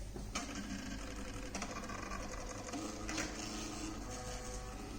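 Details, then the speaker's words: Hospira infusion pump switched on after priming and loading the cassette, running its power-on self-test: mechanical whirring and clicking with a few faint tones; normal device sound. "and then turn the pump on wait for the pump to do itself testing"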